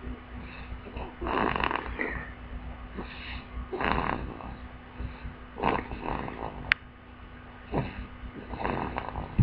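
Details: Infant girl sleeping on her belly, snoring: soft, rattly snore with each breath, about 25–30 breaths a minute, over low steady room hum.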